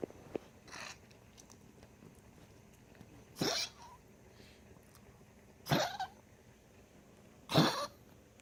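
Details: Dog after tracheal ring surgery, constant coughing while exhaling: four short, harsh coughs over several seconds, each forced out on breathing out.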